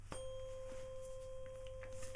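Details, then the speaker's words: Steady, pure ringing tone of a struck tuning fork placed on the mastoid bone behind the ear for a Rinne hearing test, in a simulated ASMR roleplay cranial nerve exam. "okay so what I want you to tell me is when the sound starts and when it stops okay so this is the sound really simple"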